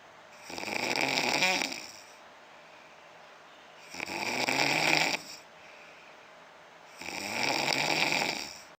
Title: funny man snoring...